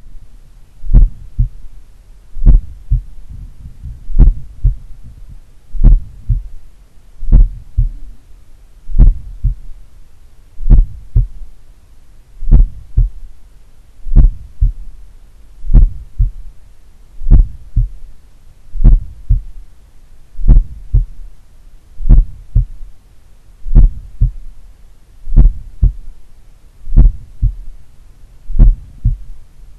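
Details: Slight third heart sound (S3) at the mitral site in an adult doing regular daily cardio training, recorded in the morning: slow steady heartbeat about 37 a minute with a faint extra low thud after the second sound.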